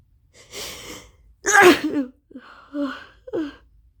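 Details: A sharp indrawn breath, then a forceful explosive sneeze, gasping breaths and a second smaller burst, during a run of persistent sneezing. It is suspected to be an allergy to something at a ranch used for equine therapy; a new allergy medication has just been started.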